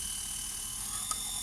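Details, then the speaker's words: Restored vintage Japanese dental lathe running in high-speed mode: a steady high motor whine with a faint low rumble, with no vibrations or odd noises. "I think I think it's pretty good actually - from what it was before I wasn't even sure was on a run or not but now it's up and running pretty happy with it"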